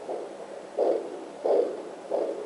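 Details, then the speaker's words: Home fetal Doppler, probe moved right of midline above pubic bone onto placenta: loud rhythmic whooshing pulses about 88/min, placental blood flow echoing the mother's heartbeat, not the baby (baby's usually in 170s). "just an echo of my heartbeat and that's the baby this climb of it there we go"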